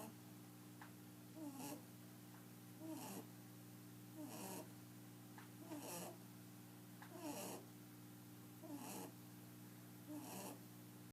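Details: Loud, regular soft snorting snores about every 1.5 seconds (~40/min) from a sleeping 11-year-old male albino rabbit, who normally sleeps with eyes open, over a steady room hum.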